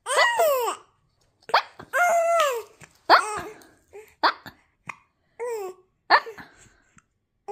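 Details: Newborn baby with short, sudden hiccup catches mixed with squealy vocal sounds, hard to tell from laughter.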